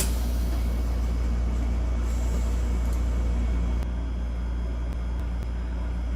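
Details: Prototype ICU mechanical ventilator running volume control mode into a test lung during simulator testing: steady low mechanical hum and motor drone with faint clicks.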